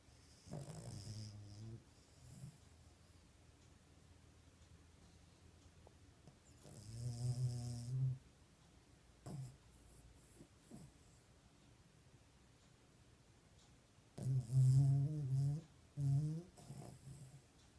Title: Sabre snores louder than dave!